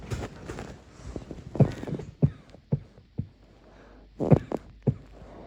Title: muffled night coughing fit